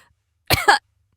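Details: Acted cough by a voice actor in a fantasy potion-drinking skit: a single short cough in two quick bursts, close to a throat clear; simulated cough.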